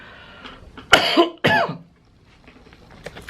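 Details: Two harsh, loud cough bursts in a quiet room with faint background noise, from a person sick with a cough since about a week after Lebaran; cough.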